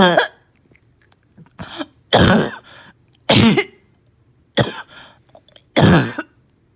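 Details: Child with barking cough, slight fever, gagging and vomiting: about six harsh, hoarse coughs in quick bursts with throaty sounds between; barking cough.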